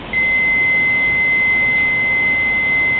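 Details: Training AED being switched on during a BLS workshop demonstration: a steady high-pitched electronic tone for almost three seconds, the power-up beep before pad-placement prompts.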